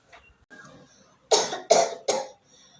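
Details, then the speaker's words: Three short, sharp voluntary coughs in quick succession, demonstrated for an English-language lesson rather than from illness; cough. "I am coughing."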